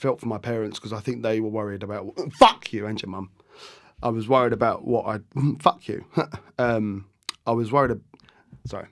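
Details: Tourette syndrome vocal tics with coprolalia, an involuntary captioned sweary tic, in an adult man; tics began after a minor ski accident in childhood.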